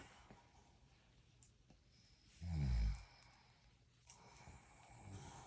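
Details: Father snoring while his daughter eats rice puff snacks: one loud, low, rumbling snore on a breath in, in a quiet room.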